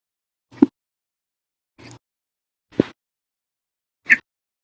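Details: Four brief, abrupt gulping hiccups separated by silence, from an episode lasting 11 hours 55 minutes after eating breakfast, lunch and drinking 2 cups of soda after dinner; hiccups.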